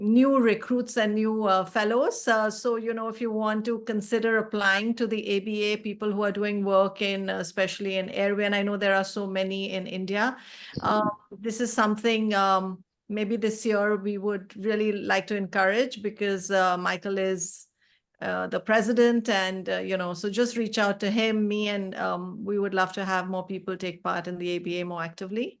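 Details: Adult woman speaking; normal speech.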